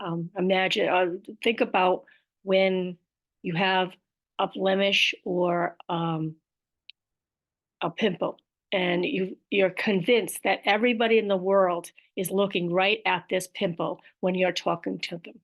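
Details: Aphasia with apraxia of speech, described as a motor planning disorder, in an adult woman.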